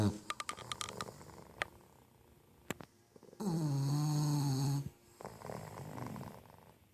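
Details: Snoring with tongue out: one long, loud, low buzzing snore, then softer snuffly breathing, with scattered clicks and handling noise; ordinary snoring.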